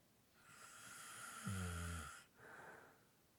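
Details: Light snoring with heavy breathing in sleep: a single heavy breath cycle, the breath in carrying a deep, rough fluttering snore, with a softer breath out.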